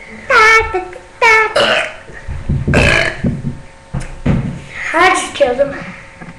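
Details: Repeated deliberate burping: several loud, drawn-out voiced belches, some rising in pitch, with a little speech between them.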